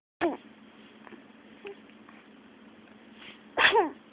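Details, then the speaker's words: Baby sneezing: two sharp, sudden sneezes about three seconds apart, with quiet room sound between them. "got the sneezes. Do you feel better now?"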